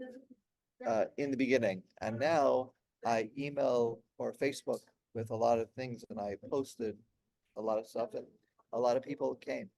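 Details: Aphasia in an adult man, 16 years after a stroke during heart valve surgery; at first he could say only one word for about a year, and word-finding difficulty persists.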